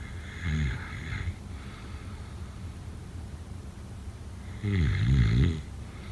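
Two loud, rattling low-pitched snores about four seconds apart, separated by quieter breathing, against a steady background hum: typical snoring.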